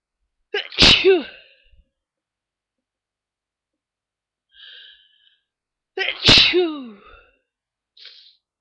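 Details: Early-morning sneezing fit with watering eyes: two loud sneezes about five seconds apart, each followed by a soft breathy sound; repeated sneezing.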